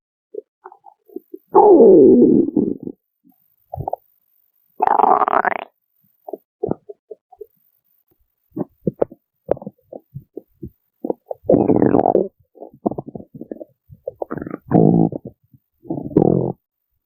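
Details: Person's own stomach growling recorded up close for listening on earphones: irregular gurgling and rumbling bursts with short squeaks and pops; ordinary borborygmi.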